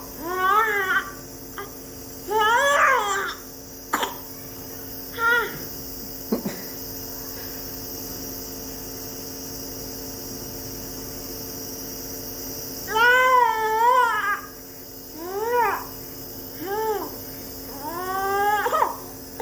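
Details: Infant receiving nebulization for cold and cough: steady mechanical hum of a running nebulizer, with the baby's fussy cries and a brief cough over it.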